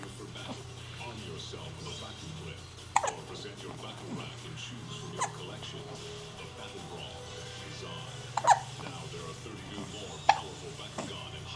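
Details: Hiccups: several sharp, brief hiccup sounds at irregular intervals against a steady room hum and faint background noise.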